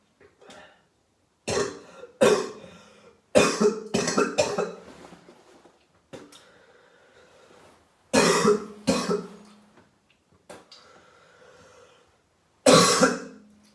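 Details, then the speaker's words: Adult sick about 3 days with suspected COVID-19 and hoarse voice, deliberately coughing up mucus: repeated harsh, wet coughing bouts with throat clearing and strained breaths between; productive cough. "So I'm gonna film myself cough my fucking throat out."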